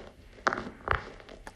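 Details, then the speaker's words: Knee crepitus of mid-stage osteoarthritis, with cartilage about half worn and roughened: a patient's knee recorded by phone held slightly off bare skin during repeated bending and straightening, giving rough, gritty, snow-crunching bursts. "이런 경우는 연골이 아까 3mm라 했잖아요. 네. 그중에 한 일부, 한 반 정도 닳았을 때 연골이 굉장히 거칠거칠해지면서 아~ 나는 소리입니다. 그러니까 관절염 한 중기 정도라고 할 수 있겠습니다."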